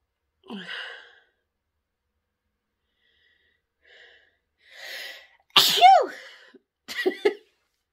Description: I sniff pepper to bring on such SATISFYING sneezes and then I honk my nose to clear my sinuses.